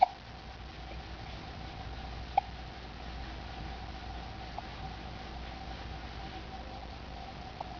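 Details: Hiccups while pushing up and getting annoyed: faint, brief hiccup clicks every two to three seconds, about 26 a minute, over steady room noise.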